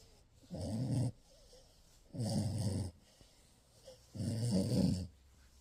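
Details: Sleeping French bulldog puppy during morning cuddling giving three deep, rattling snores about every two seconds with quiet breaths between; snoring.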